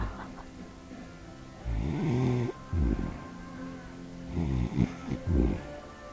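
Loud, rough, rattling snores from a sleeping dog, with music playing in the background.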